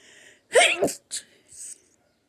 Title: Sneeze fit with nose blowing